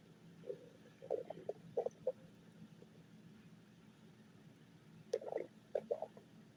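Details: Hungry person's stomach growling: two clusters of short, bubbling gurgles over a steady low room hum; ordinary borborygmi.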